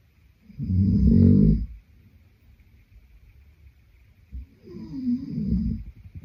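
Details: Sleeping adult man: two low, rattling snores a few seconds apart, the second softer and more drawn out, with quiet room hiss between.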